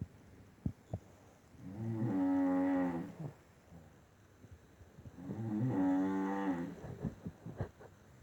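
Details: Two sleepers snoring: two long, low, buzzing snores, roughly 17 breaths a minute, with soft snuffles between them in a quiet room; snoring.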